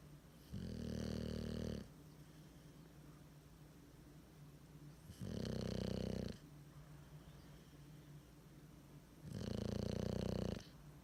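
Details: Bulldog sleeping with tongue hanging out; loud, low rumbling snores on three slow breaths, about one every four seconds, with quiet breathing between; loud snoring.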